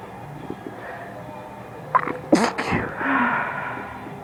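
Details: An adult woman has a late-night sneezing fit in bed next to her sleeping husband: a sharp inhaled catch, then a stifled, partly suppressed sneeze in a quiet room as she tries to stay quiet.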